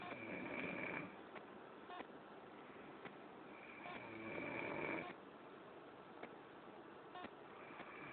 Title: cunucu snoring